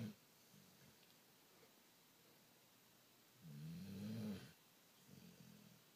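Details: Son asleep, snoring: quiet room with one clear low, buzzing snore and a fainter second one; ordinary sleep snoring.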